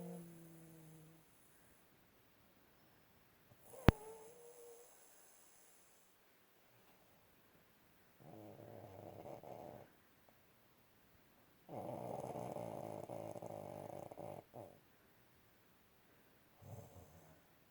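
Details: Person snoring during sleep: several long, rough, low rumbling snores between quiet gaps, with one sharp click.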